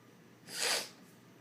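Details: Singer who has been sick with a cold, with coughs and nasal voice, makes a single brief nasal sniff or sneeze-like burst in a quiet room between song lines; a sniffle.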